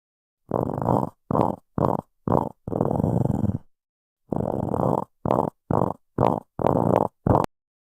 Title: STOMACH GROWL